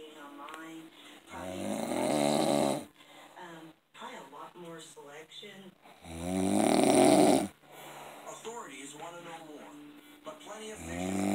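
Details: Loud, coarse snoring in long rattling breaths, with quieter gasping and throat sounds between. The patient was then woken and turned onto the side to stop the snoring, which triggered a seizure.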